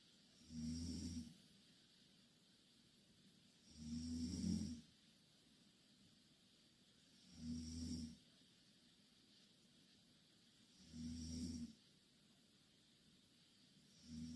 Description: Two korean girl snoring in same bed.